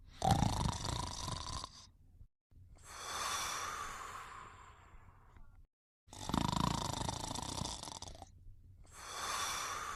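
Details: Simulated cartoon snoring of the character Hong Kong Phooey asleep: loud rasping breaths in alternating with long whistling breaths out, separated by brief silences.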